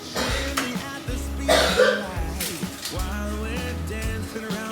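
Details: A few short, harsh cough bursts from a child (Kimy), partly masked by loud background music, while the mother asks if she is okay; a plain cough.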